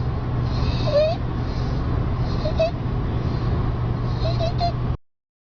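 Brief high-pitched whistling breath sounds over heavy low rumbling noise, fitting stridor from a narrowed upper airway.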